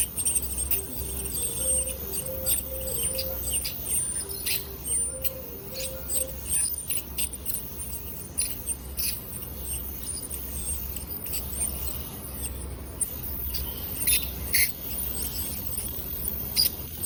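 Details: High-pitched whine with spraying hiss and short clicks, plus a soft melodic tone early on, as an ultrasonic dental scaler removes tartar and calculus at a dental clinic; ultrasonic dental scaler.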